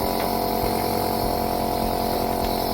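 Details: Steady loud mechanical buzz and hum of a running Noren C2 adult and pediatric home nebulizer compressor pushing air through the tubing.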